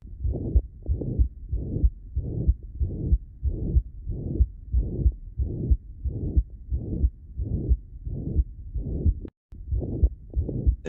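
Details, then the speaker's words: Patient with suspected infective endocarditis, heard at the apex with the stethoscope diaphragm: loud, harsh murmur about 92 a minute, so dominant that S1 and S2 are barely heard: mitral regurgitation. "now admittedly I don't hear S1 or S2 really in the recording all I hear is this murmur okay remember is so dominant that it kind of drowns out S1 and S2"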